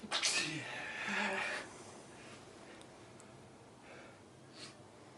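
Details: A single loud sneeze with a sharp hissing burst, followed by quiet room noise and faint breathing.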